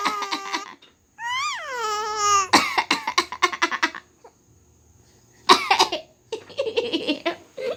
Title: Cough - Laugh :)